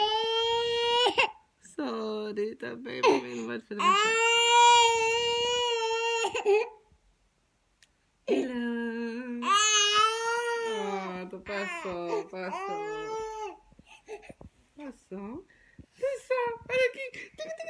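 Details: Baby boy crying whenever his mother cries; long, high-pitched wailing cries broken by breaths, with the adult's crying and soft voice mixed in; infant crying.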